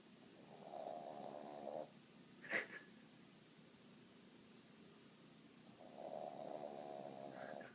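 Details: Waffles, a female, snoring loudly: two soft, rattling snores separated by a quiet pause, with a brief sharp sound between them, in a quiet room; snoring.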